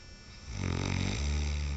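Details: Man snoring during sleep: single loud, low, rattling snore rising in strength through the breath in, as onlookers clap.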